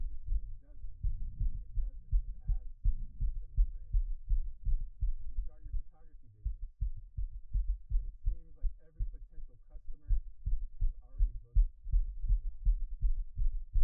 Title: Man's Fast Pounding Heartbeat Picked Up By Mic